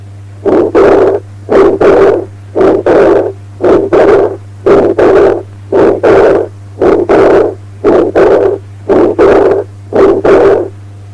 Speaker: Combined aortic stenosis and aortic regurgitation.